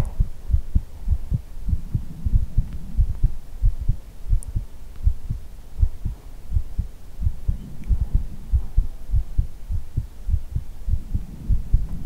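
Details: ASMR heartbeat recording: steady, repeated low heart thumps over a soft low hum.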